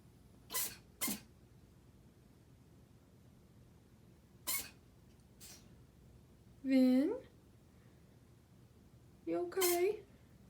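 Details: A dog's bizarre repeated sneezing, with several brief, forceful nasal bursts in a quiet room, some ending in a short squeaky vocal note; the owner asks if something is in its nose.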